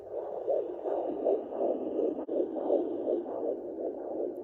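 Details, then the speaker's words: Fetal heartbeat on a home fetal Doppler at 12 weeks 5 days of pregnancy, probe moved toward the middle of the abdomen: rapid, regular whooshing pulses, about 160 a minute, much faster than the mother's. "That's the baby's heartbeat. It's much faster than mine. It's like whoosh, whoosh, whoosh, whoosh."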